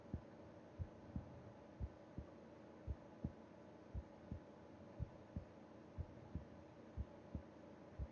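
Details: Heartbeat heard with the ear against the chest of a sleeping person: soft low thumps at about 59 beats a minute under a steady background hum; normal resting heart sounds.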